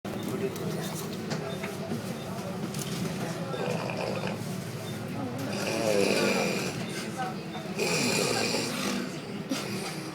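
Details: Loud rasping snores recorded on a bus, rising over steady engine rumble and nearby chatter.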